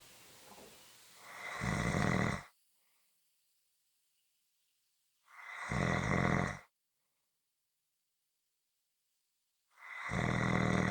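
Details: Three loud, harsh, rumbling snores about four seconds apart with silence between; heavy snoring.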